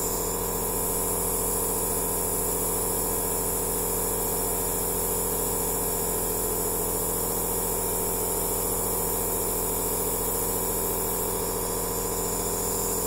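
Steady mechanical hum and hiss of a nebulizer compressor running continuously.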